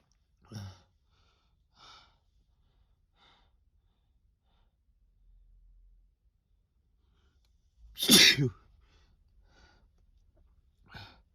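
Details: Male adult's sneezing deliberately induced by taking too much Chhinkni sneezing snuff, with build-ups: several short sneezes with quiet pauses, then one loud forceful sneeze and a smaller one after.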